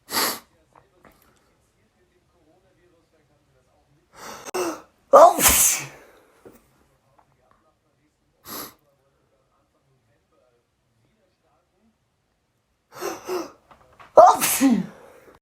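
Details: Three sneezes during a morning sneezing fit from a sneezy cold, each preceded by a short catching inhale, with quiet pauses between.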